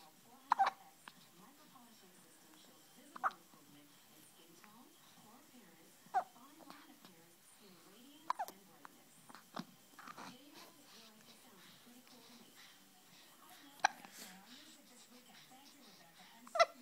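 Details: Hiccups in a baby boy: short, sharp little hics every few seconds, about eight in all, between soft baby sounds in a quiet room.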